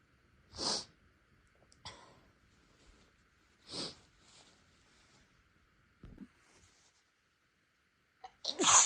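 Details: Person without allergies whose nose seemed sensitive after spicy food, inducing sneezes: a run of three or four sharp sneezes with sniffs and soft breaths between, ending in a louder sneeze burst.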